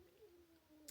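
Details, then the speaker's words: Quiet, wavering, squeaky stomach growling from an adult speaker, recorded during a talking video: gas and fluid moving through the gut (borborygmi). "I hope you could not hear that. That was my stomach."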